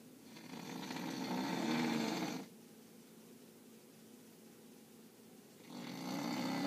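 Loud, rattling, rough snore on the in-breath, a quiet pause, then the next snore starting; typical snoring during sleep.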